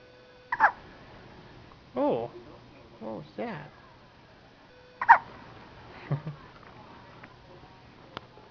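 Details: Girl or woman with hiccups, faint and hard to hear: two sharp hiccup bursts about four seconds apart, with small voiced sounds between them.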